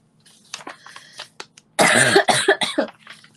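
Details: Several short coughs mixed with throat clearing from a girl, after a few quiet sounds, in a small room, coughing repeatedly while talking; cough.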